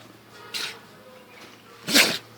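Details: A dog in a sneezing attack; it reportedly sneezes at least 200 times a day. Two sharp, hissing nasal sneezes about 1.4 seconds apart in a quiet room.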